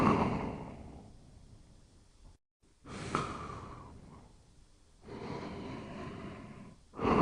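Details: Quiet snoring during sleep: slow, soft, breathy rushes of air over a few breaths.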